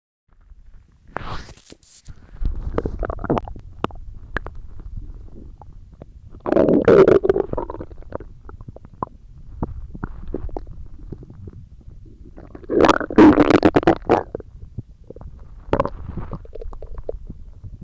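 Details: Stomach growling recorded for ASMR: gurgling, rumbling bursts of ordinary bowel sounds at irregular intervals.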